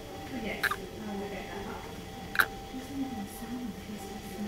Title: has the hiccups